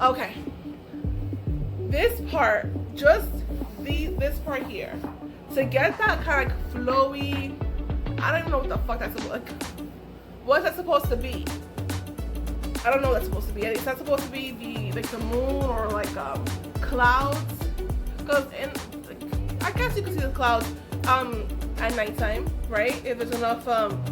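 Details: Adult woman with aphasia caused by a stroke, which left her unable to talk, write or paint.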